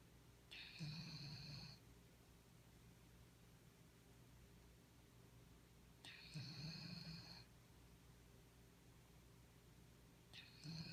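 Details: Soft, low snoring with a faint whistling hiss about every five seconds, roughly 12 breaths a minute, from a sleeping dog.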